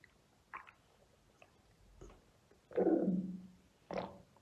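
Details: Deep tummy and belly rumbles: scattered soft gurgles and one longer low groaning rumble, normal bowel sounds.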